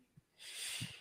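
A soft click, then a sharp hissing burst of air with low puffs: a cat's sneeze.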